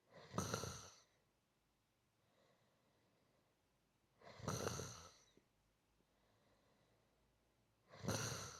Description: Relax with the soft, rhythmic sound of gentle snoring.